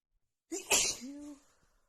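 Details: Female with a head cold, congested nose, after sniffing a tiny bit of black pepper: a single sharp sneeze with a brief voiced catch afterward, one sneeze within a sneezing fit.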